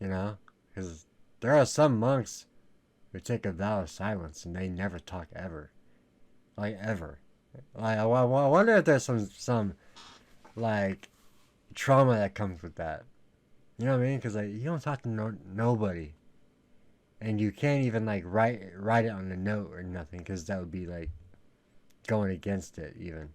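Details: Male with a lifelong stutter that was worse in middle school, treated by a speech therapist in elementary school, with severity varying day to day: stuttering.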